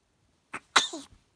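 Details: Single sneeze, followed by people saying Alhamdulillah: a quick in-breath, then one sharp, hissing sneeze burst trailing off with a short voiced tail; sneezing.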